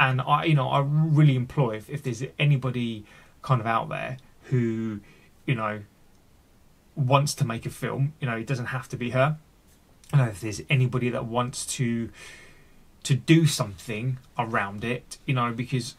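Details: Adult male with stuttering (stammering), recorded unedited with his stammer left in; word and part-word repetitions; finding: stuttering.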